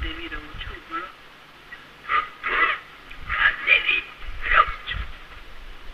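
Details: Alaryngeal speech after laryngectomy in a male patient speaking without a voice prosthesis; voice currently worse than usual because of a cold and cough.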